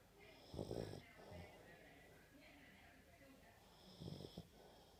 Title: Snoring funny fat piggy dog